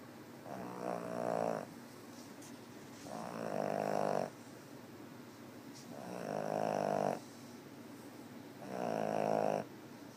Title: 8/18/2013 snoring 2